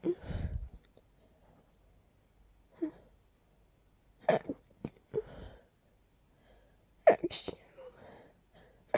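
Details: Several soft, stifled sneezes separated by quiet pauses, then a quick run of small sneezes close together, triggered by heavy dust while cleaning a long-neglected part of a room.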